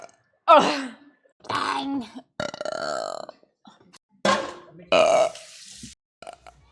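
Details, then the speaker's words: A string of loud, voiced burps from a woman, several long and rumbling, in a quiet room; she says she burps way too much; repeated burping from a burp compilation. "sorry sorry I know you said you didn't like the burping I'm so [Music] sorry that a burp that was just chilling in my throat"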